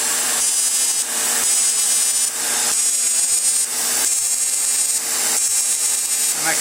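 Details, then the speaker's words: Fractional CO2 laser (Deep FX) facial resurfacing on the upper lip up to the lip line to tighten fine lines, in a patient treated before: rapid rhythmic crackling, buzzing pulse bursts with steady machine hum. "Good thing about this laser is I can go all the way onto the lip line."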